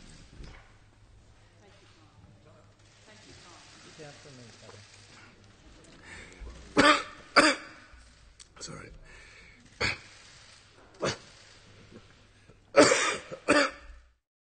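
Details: Adult male politician forced to stop mid-speech by a coughing fit; he later tested negative for coronavirus: a run of about seven sharp, dry coughs with throat clearing.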